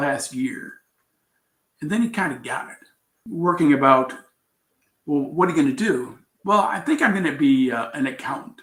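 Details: Adult man with aphasia after a traumatic brain injury from a bicycle accident about four years earlier, followed by coma; still recovering, with trouble finding words.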